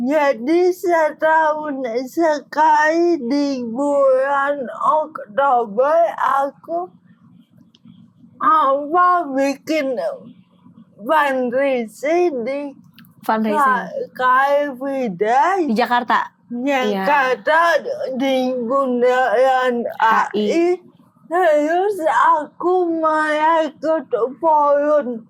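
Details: Adult woman with cerebral palsy, with gross and fine motor limitations; dysarthria.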